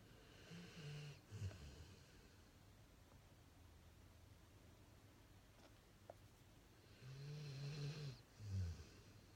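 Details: Pit Bull dog in deep sleep, undisturbed as cereal is stacked on his head: two slow, low, rumbling snores several seconds apart in a quiet room; snoring.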